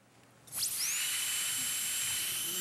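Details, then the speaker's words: Conventional high-speed dental drill at a pediatric dental practice: high-pitched whine rising quickly and holding steady, contrasted with a water laser used for cavity filling. "well fortunately for all of us who hate that sound it's becoming a thing of the past"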